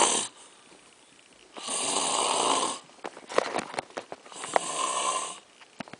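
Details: Loud rasping snores on the in-breath with quiet gaps and short snorts between, from a sleeper called a "snoring bear", recorded during a puppet show; snoring.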